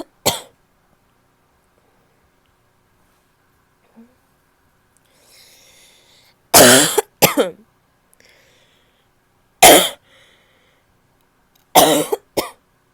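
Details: Annoying barking cough from a female: about six harsh, abrupt coughs, some in quick pairs, with a loud barky quality.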